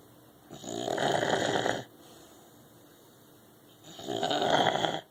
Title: Tilly english bulldog snoring...